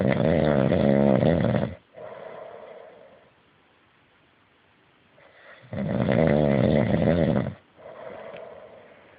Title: Can't hear for snoring